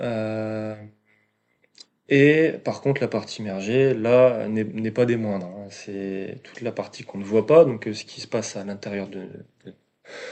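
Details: 22-year-old man speaking French, stuttering since early childhood, which was marked by a slight speech delay; stuttering.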